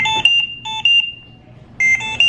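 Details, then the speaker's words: Home Trilogy ventilator caregiver training: repeating bursts of high electronic beeps with short pauses, the alarm sounding whenever any circuit line is disconnected or loose. "Okay, so anytime any one of these lines are disconnected or loose, You're going to get that alarm. you're going to get an alarm as such."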